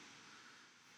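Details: Steady high-pitched hiss and whine of a high-speed dental handpiece bur cutting into the pulp chamber roof of a calcified tooth during root canal access, bur length about 6 mm.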